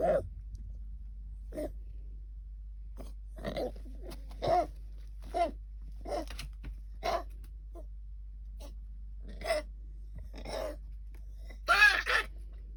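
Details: Female English Cocker Spaniel puppy with kennel cough, later cured: repeated short, harsh, honking coughs with retching-like sounds.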